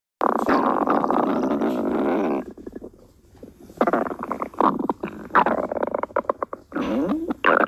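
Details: Stomach growling: long, loud gurgling and rumbling with bubbling runs and pauses, normal gut sounds (borborygmi).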